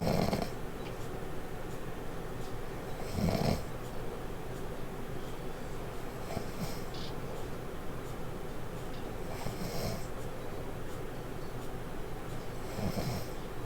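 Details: Loud, rough, recurring snores about every three seconds, roughly 20 a minute, with low steady room noise between them during sleep; snoring.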